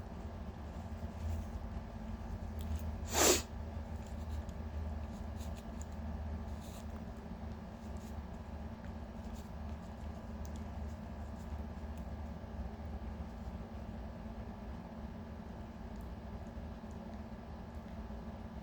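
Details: Induced allergy sneeze in a person whose nose has been extremely sensitive all day: one sharp, forceful sneeze over a low room hum, then quiet breathing.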